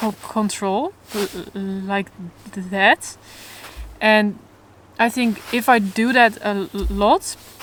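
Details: Adult woman who stutters openly but in a controlled way, in stuttering therapy for the first time and working toward letting go of control; stuttering.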